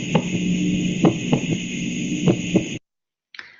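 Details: Soft, slow heartbeats over steady hum, with a subtle extra low thud after some beats forming a three-sound gallop rhythm; third heart sound attributed to raised cardiac pressure during filling in renal disease. S3 gallop.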